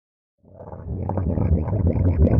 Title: stomach growl (Reupload)